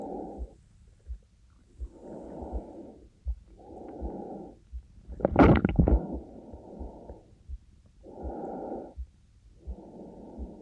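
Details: Recording of a female university student's own breathing made for sleep-inducing ASMR: slow, soft whooshing breaths in and out, steady heartbeat underneath, one brief louder rustle; normal breath sounds.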